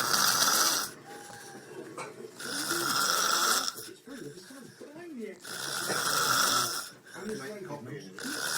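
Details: Loud, rasping snores repeat about every two and a half seconds, with quieter breathing in between; snoring during sleep.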